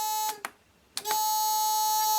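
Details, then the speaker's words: A Dräger PM 8030 anesthesia monitor, not yet connected to mains, gives a loud, steady electronic alarm tone when its power button is pressed; the tone breaks off briefly and resumes. The suspected fault is a dead timekeeper RAM battery causing a reboot loop. "is interesting because I did not connect it yet to remains long apparently it will scream when I press bees power button"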